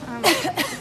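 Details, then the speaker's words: Unmasked adult woman in a store, reportedly coughing at people and saying she is not sick: two short, dry cough bursts in quick succession over faint room noise. "she's coughing on me she's coughing at me"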